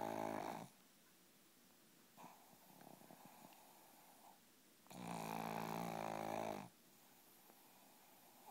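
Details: Child asleep and snoring: buzzing, nasal snore sounds about every four seconds, the louder ones with a quieter breath between them.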